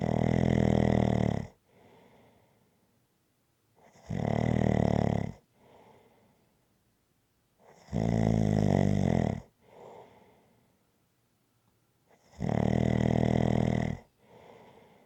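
Loud, low rattling snores on each breath in, about every four seconds (roughly 15 a minute), with quieter breaths out between them. Snoring.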